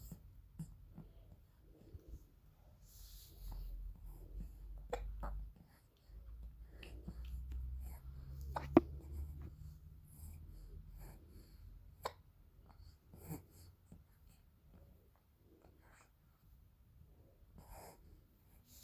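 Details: Quiet, sharp little catches recurring every few seconds, fitting an infant grandson's hiccups, a common harmless finding.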